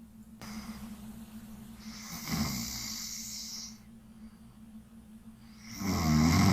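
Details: Woman asleep during a nightly live sleep stream, snoring: a loud rattling snore on the in-breath, then a whistling out-breath and another loud snore beginning, over a steady background hum.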